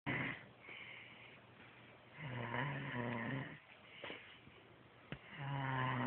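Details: Sleeping man snoring: low, rattling snores on slow breaths, about three in six seconds, in a quiet room.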